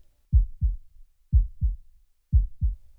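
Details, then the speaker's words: Mystery-sound clip of a normal heartbeat: clear paired low lub-dub thumps repeating about once a second, roughly 60 beats a minute. "That's a sound that comes from inside your body. If you put your hand on your heart, you might be able to feel it even though you can't hear it. That is the sound of a heart beating."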